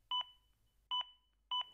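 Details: Clear, evenly spaced electronic prompt beeps from an AED Plus defibrillator pacing chest compressions during a CPR demonstration; CPR prompt beeps.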